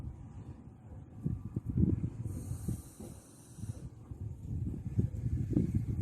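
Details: Low, rumbling, irregular, coarse snorts and snores from a female puppy recorded while sleeping; puppy snoring.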